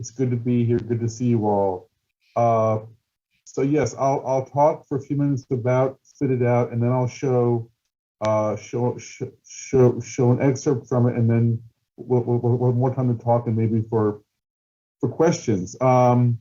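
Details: Adult male person who stutters, a documentary filmmaker, speaking at a stuttering event, with word and phrase repetitions; stuttering.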